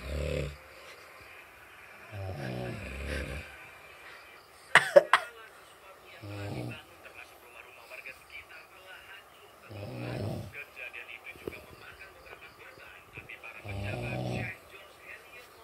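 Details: A sleeper snoring loudly with rumbling snores about every three to four seconds, a brief louder burst partway through, and faint room sounds behind; snoring.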